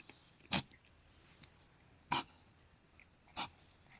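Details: Cat Jerry coughing: three short, sharp, hacking bursts, each followed by quiet.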